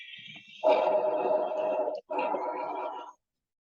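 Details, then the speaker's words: Bronchovesicular breath sounds: a single breath of moderately harsh airflow with inspiration and expiration of equal length, mixing vesicular murmur and bronchial breath sound qualities. "se va a escuchar como un ruido que resulta de la superposición del murmullo vesicular y del soplo bronco y que participa de las características acústicas del uno y del otro"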